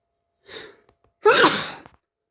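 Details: Hay fever on a sneezy day: a sharp indrawn breath, a pause, then one loud voiced sneeze.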